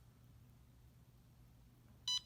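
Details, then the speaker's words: Short high electronic startup beep of a CADD Prizm PCA infusion pump as it checks its settings, in a home infusion demonstration by a nurse. "it's asking me if I want to start the pump I'm gonna say yes and my pump begins the startup process"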